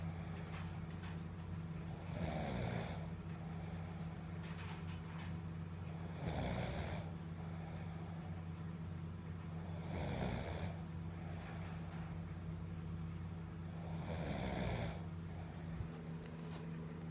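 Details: Loud rhythmic snoring, about 15 a minute, each snore a rough rattling inhalation over a steady low hum of room noise.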